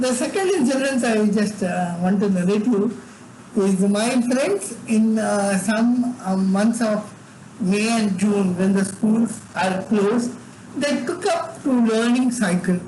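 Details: Adult man with severe cerebral palsy from birth, involuntary tremors in all parts of his body, unable to walk or talk until age eight; dysarthria in cerebral palsy.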